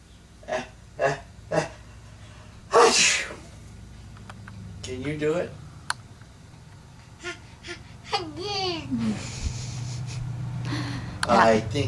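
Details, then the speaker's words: Young child who is sick with a bad cough gives a forceful, deliberate sneeze on request, with a softer burst near the end, amid adult voices and light room noise; sneeze. "that was a big sneeze yes it was"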